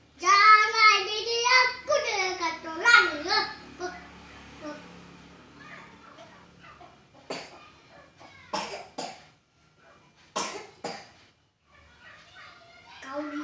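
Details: Child coughing while still playing and babbling: playful vocalizing followed by several short, sharp coughs in separate bursts, quiet room background.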